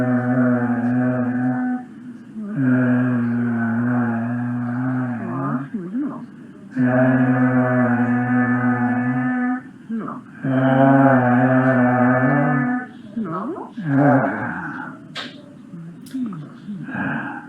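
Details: Male patient with whispered aphonia who produces voice repeating "E" after the clinician during laryngeal manipulation as a therapeutic test, confirming psychogenic dysphonia; voice restored.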